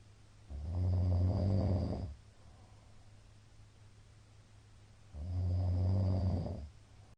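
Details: Middle-aged man snoring during sleep, recorded 13 March 2022, described as very loud: two loud, deep, rumbling snores on inhalation, separated by a pause of about three seconds.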